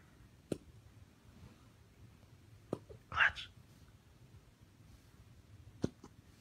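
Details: Three brief, sharp clicking gulps every 2.5 to 3 seconds from a corgi, with a soft breathy rustle between; repeated hiccups in a quiet room.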